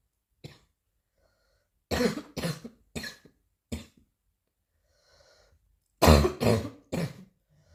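Eight harsh, loose cough bursts in a quiet room, some in quick runs of two or three, with short breaths between.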